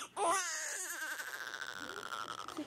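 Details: Brief high-pitched cry trailing into a fading, wavering wail from a newborn baby; ordinary newborn crying.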